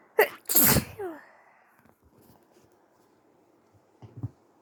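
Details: Person sneezing after false starts: a sharp, forceful sneeze burst after a short inward catch, then quiet with faint sniffling; a later noise is likely tissue wiping the phone; sneezing.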